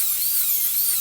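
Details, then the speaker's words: High-speed dental handpiece with continuous high-pitched, slightly wavering whine drilling a T-shaped cavity preparation on the root surface of an ivory lab practice tooth, moving in and out without stopping inside the cavity. "always go inside while you're dribbling and come out while you're also drilling don't stop inside the cavity try to keep your hands stable and steady"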